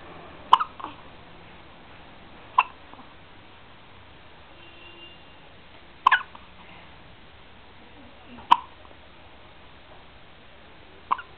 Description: my 12 day old nephew during a fit of hiccups.